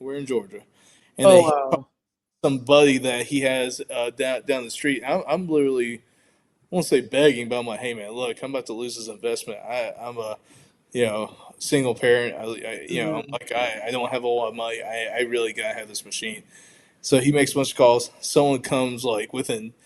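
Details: Stuttering in an adult man, onset in childhood, when it was very pronounced with blocks; it varies from day to day; speech here shows repetitions.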